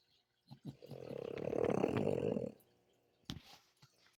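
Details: Sleeper recorded October 15, 2024: one long, rough, rattling snore lasting about two seconds, followed by a few faint snorts; snoring.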